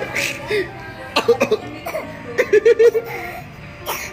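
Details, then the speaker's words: A young boy imitates his father's coughing with short, playful cough-like bursts, over background music. "kasih lihat tuh si abang yang lagi niruin Papa bilang batuk-batuk bener-bener Nias hati banget sama Papanya"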